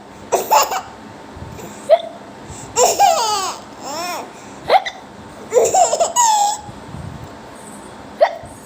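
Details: Baby laughing and smiling with short, sharp hiccups between bursts of giggling: hiccups.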